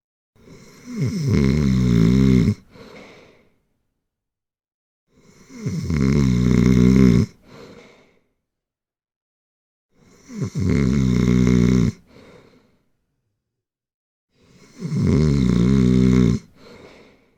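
Loud, rough snores on each inward breath, four in about 17 seconds, each followed by a short puff out: heavy snoring.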